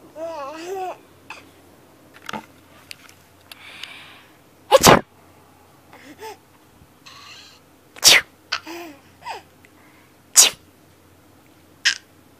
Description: Cute baby laughs hysterically at sneeze.